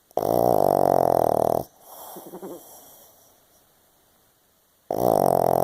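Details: Very tired 7-year-old pug asleep: loud, rough, drawn-out snores with quiet gaps between, likened to a grown man snoring.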